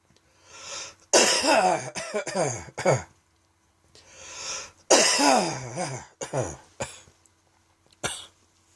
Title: Dry Tickly Evening Cough